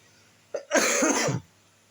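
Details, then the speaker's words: Adult who is ill coughing during a spoken presentation: a brief throat sound followed by one harsh, forceful cough burst in a quiet room. "mohon maaf apabila saya ada terdengar suara batuk-batuk itu saya lagi sini lagi sakit"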